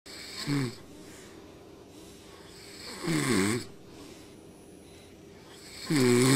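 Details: A baby girl and her father sleeping and snoring in unison: three rough, rattling snores on inhalation a few seconds apart over a quiet room hiss; ordinary snoring.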